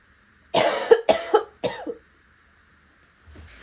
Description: Ranging from raspy to hoarse to wet with a few hints of barking. Hope you enjoy!